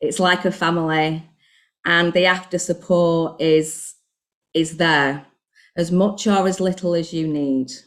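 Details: Covert stammer in an adult woman, recorded before starting a stuttering programme; she describes earlier word substitution and head nodding; stuttering.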